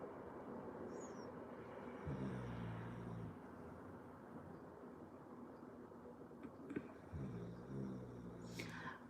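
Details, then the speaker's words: Two low, rattling, rumbly breaths about five seconds apart from a sleeping dog over steady room noise; snoring. "Listen to this dog snoring."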